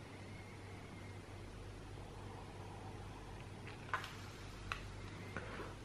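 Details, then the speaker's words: Quiet, steady low motor hum with soft clicks as a Qardio Arm automatic upper-arm blood pressure cuff inflates; result 129/88 mmHg, pulse 75, app flagged prehypertension. "Dauert jetzt einen Moment und jetzt hört man, die Blutdruckmanschette pumpt sich auf und wir sehen hier auch, auf welchen Druck die aufgepumpt wird, gerade eben."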